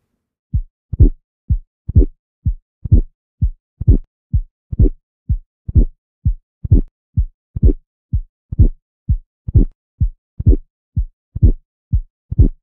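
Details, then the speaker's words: Lecture demonstration of mitral valve prolapse: a mid-systolic click as the chordae tendineae catch, possibly followed by a crescendo systolic murmur toward S2; regular heart sounds at about 63 beats a minute. "And then when the chordae tendineae reach their endpoint, they sort of catch abruptly, and you can hear this mid-systolic click. And then after the click, you may hear a systolic crescendo murmur that increases in intensity as you approach S2."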